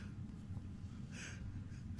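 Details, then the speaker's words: A single sudden, sharp, loud gulping burst over a low background rumble: an adult woman's loud hiccup during a bout of hiccups, recorded while she talked with her spouse; it startled her dog. "When she hiccups, she sounds like she's getting the save shot so in the movie. Loud."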